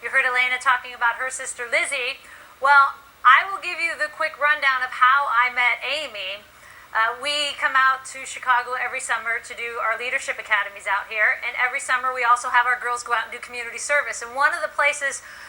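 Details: Adult woman speaking to an audience; normal fluent speech.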